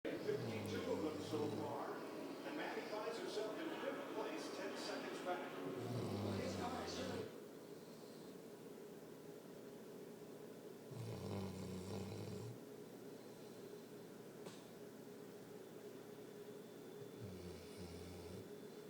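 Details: Sleeper snoring: low, rumbling snores about every five to six seconds, roughly 11 a minute, with talk in the background early on.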